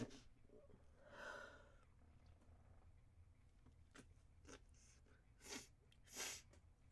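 Several short, muffled hissing bursts through the nose, held back rather than fully released: stifled sneezes.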